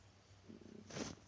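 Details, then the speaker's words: A brief, low, bubbling rumble from an adult's stomach, which the person remarks on and apologizes for: ordinary bowel gurgling (borborygmi). "me I'm sorry my stomach is like gurgling I hope you didn't hear that but if you did uh Paul I apologize"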